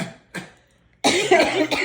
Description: My family singing, happy birthday to me. Instead of saying cha-cha-cha. You hear coughing.